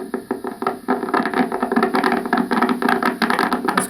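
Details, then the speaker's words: Needle EMG of the leg in an adult being tested for leg versus spinal nerve problems; as the patient flexes the foot up at the ankle, dense feedback-like crackling and buzzing from the contracting muscle; normal activity, leg nerves later reported normal. "so all that stuff that sounds like feedback is the muscle yep so you hear when I move the pin you hear that that's normal"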